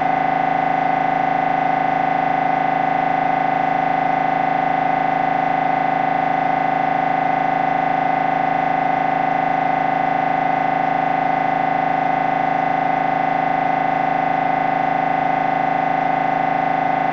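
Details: Loud, steady buzzing drone with rapid regular pulsing at about 158 per minute: MRI scanner noise during a brain scan.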